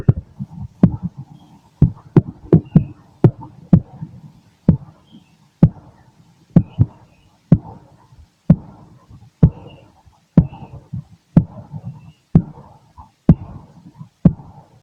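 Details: Late-night auscultation of an adult male's own chest through a stethoscope: normal heartbeat at about 64 beats a minute, with sharp contact clicks and low rumbling body and stomach noise.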